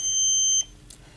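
A single short, high electronic beep as an automatic CPR device powers on.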